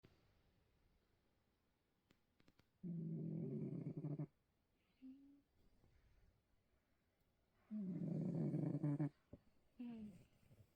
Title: Snoring into my skirt Part 2